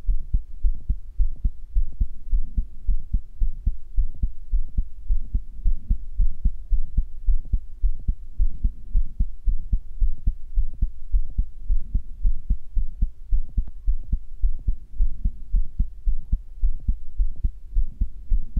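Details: Own current heartbeat recorded with a stethoscope microphone: steady, regular low thumping with a faint constant hum behind it.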